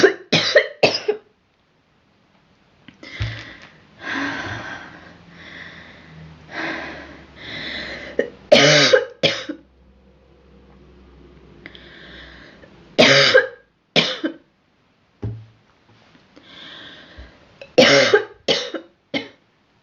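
Repeated bursts of harsh, forceful coughing, often two or three at a time, with short breaths between bouts: a recurring cough.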